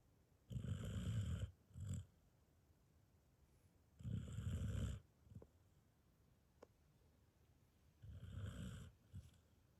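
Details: Sleeping border collie sheepdog snoring after a long day: loud, low rattling snores about a second long, each with a brief follow-on snort, repeating roughly every four seconds.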